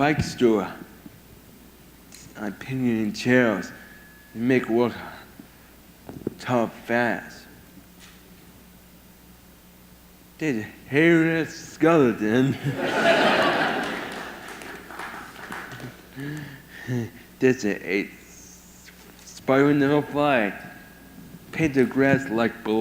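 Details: Young man with severe autism whose mother warns most of his speech will probably not be understood; speech impairment in severe autism.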